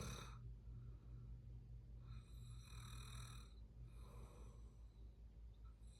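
Low rattling snores with each breath during sleep, with a steady low hum in the background; ordinary snoring.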